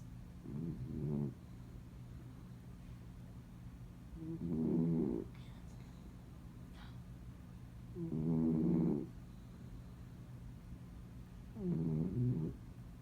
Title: Adorable snoring dog